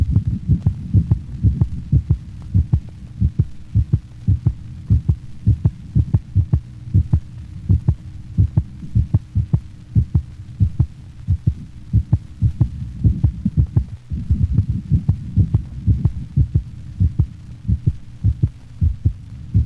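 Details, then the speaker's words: Normal dog without a split first heart sound, played for comparison with a large dog's split first sound: regular lub-dub at about 85 beats per minute with a single crisp first sound, normal heart sounds. "compare the split first heart sound in the previous band to that of a normal dog without a split first sound"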